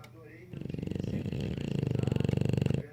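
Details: English Bulldog snoring: low, rattling, fluttering breath noise rising through a long inhaled snore.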